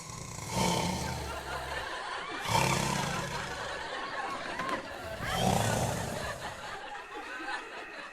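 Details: Staged comedy skit: three loud, rough, rumbling snores about two seconds apart over a noisy background, passed off as a generator: simulated snoring.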